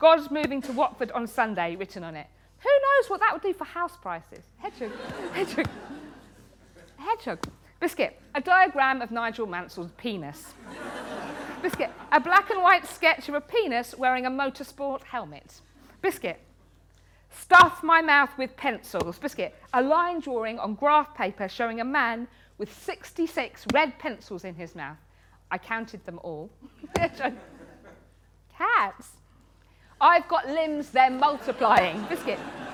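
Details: Woman with Tourette syndrome, a neurological condition causing uncontrollable movements and noises, with very frequent involuntary word tics (one word up to 16,000 times a day); Tourette syndrome vocal tics.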